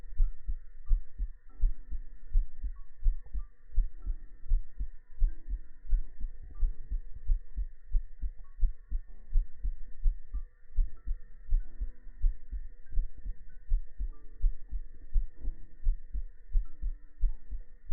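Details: Heart-sound segment of a sleep-aid ASMR stream framed as resting in a mother's embrace: steady low thumping at about 80 beats a minute with a faint hum behind it, a regular normal heartbeat.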